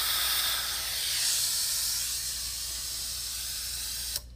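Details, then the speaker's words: Dental water spray with suction rinsing etch off the lower teeth before bonding a lower permanent retainer: steady loud hiss stopping abruptly at the end. "I like to do the suction and the water because I've complete control over everything and where the where the water is going just so that we don't get a mouthful of water"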